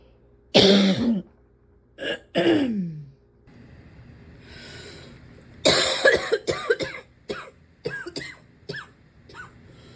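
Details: Persistent coughing fit, barely able to breathe without coughing for minutes: a few harsh coughs, a rasping in-breath, then a rapid run of about ten short coughs with barely a pause.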